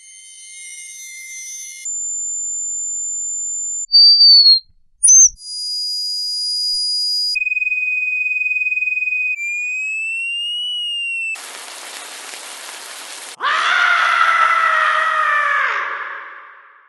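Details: Simulated tinnitus sound effect for simulating hearing loss or paralyzing ringing: a series of high, steady ringing tones and gliding whines.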